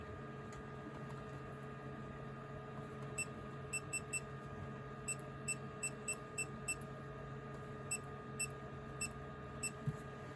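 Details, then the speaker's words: HORIBA CBC/CRP blood analyzer starting up after being switched on with the rear toggle switch, a start-up said to take over 5 minutes: steady hum with a series of short high beeps and faint clicks. "장비를 아예 껐을 때 키는 방법은 이제 이렇게 아예 전원도 다 껐을 때 뒤쪽에 보시면 똑딱이 버튼 위로 올리게만 하면 얘가 자동으로 켜져요."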